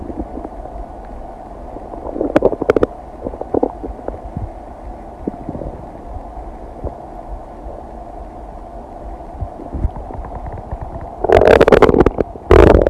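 Low steady gurgling with scattered clicks and a few louder bubbling bursts. Ordinary digestive bowel sounds.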